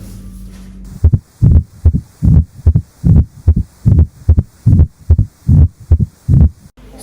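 Low, thudding heart sounds at about 74 a minute after a brief hum, with a low rumble in diastole: the mid-diastolic murmur of mitral stenosis.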